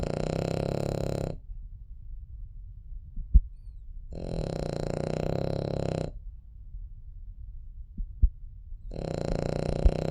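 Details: Cavalier dog named Popotaro sleeping peacefully: slow, regular rumbling snores about 12 a minute with quiet pauses between breaths.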